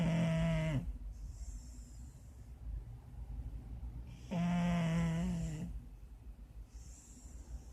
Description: Snoring Sharpei